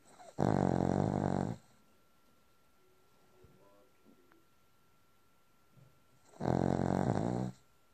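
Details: Sleeping dog snoring: two loud buzzing snores about six seconds apart, roughly 10 breaths a minute, in a quiet room.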